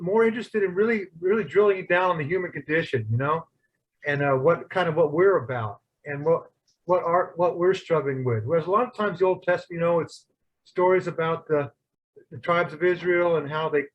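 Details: Adult male speaker; normal speech.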